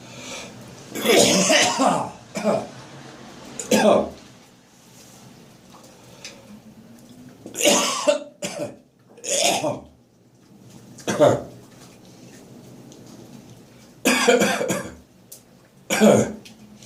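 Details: Adult on waking in the morning, full of catarrh: bouts of loose, rattly coughing with throat clearing and gagging between; wet productive cough bringing up mucus.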